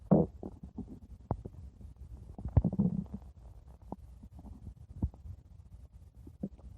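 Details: Five-minute recording of stomach growling (borborygmi): low, irregular gurgles and rumbling bursts from the belly with short crackly pops between them.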